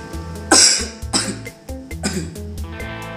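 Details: Acted cough in a behind-the-scenes clip of an Indonesian cough-and-sneeze etiquette skit: three loud, harsh cough bursts in quick succession over steady background music.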